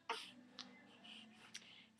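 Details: Sneeze from a small, slightly congested baby boy, about 18 inches long, who was fussy after sleeping.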